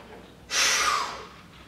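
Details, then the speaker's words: Respiratory muscle strength testing with a K5 handheld device: after full exhalation, a single hard, fast, hissing maximal inhalation lasting about half a second. "then i want you to inspire or inhale hard fast to complete and it might sound a little bit like this"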